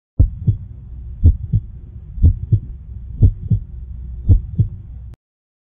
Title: frog's heartbeat #shorts #physiology #pharmacy #frog #heart